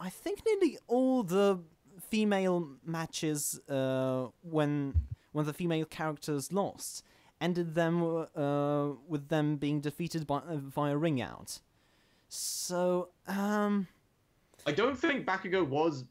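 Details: Adult man who stammers, recording while standing to reduce stomach muscle tension; stammering (stuttering).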